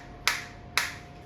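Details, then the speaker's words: Biotronix focused (not radial) shockwave applicator applied to the operator's own hand at minimum intensity, frequency 120, 1500 shots selected: sharp snapping clicks about half a second apart as it fires. "देख सकते हैं focus stock आ रही है मेरे को। Intensity अभी minimum है।"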